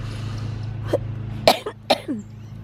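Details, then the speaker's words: Three short, slightly wet coughs over a steady background hum from an adult with cystic fibrosis. The chronic cough came in the late afternoon and evening with sinus pressure and a borderline headache. "the pressure throughout the day of like either my sinuses or the coughing or whatever is giving me kind of like a borderline headache and then I feel it when I start coughing again"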